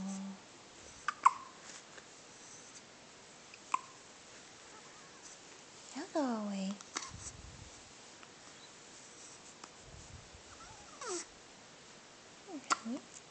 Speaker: You have hiccups, huh, baby? Poor thing. Yeah. You had hiccups in Mommy's tummy, too.